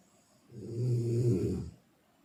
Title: Bunyi dengkur yang membantumu tahajud (snoring sound)